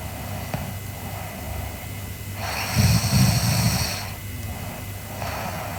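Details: Sleeping girl snoring: a single loud, rough, low snore on breathing in, quieter breathing before and after, over steady room noise.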